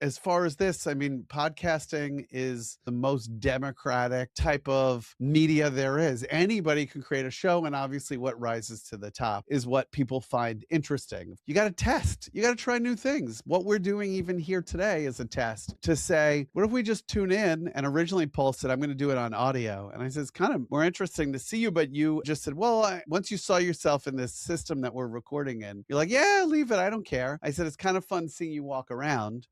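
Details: Adult male speaker; normal speech.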